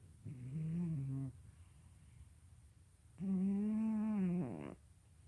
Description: My cat Kitten (yes that's his name) snoring.